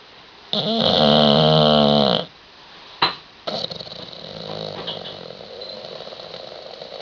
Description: Bulldog William snoring.